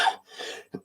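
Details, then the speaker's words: Single harsh cough then brief throat-clearing from an adult presenter at the start of a livestream, who says the ongoing cough is a little better but still affecting the program; cough. "should have to have a coughing fit right at the start, don't I?"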